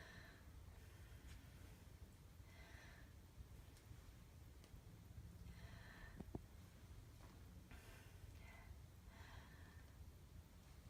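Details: Female patient during a chest and lung assessment, breathing slowly and softly through the mouth in a quiet room; normal breathing with normal rate and rhythm, no wheeze or crackles.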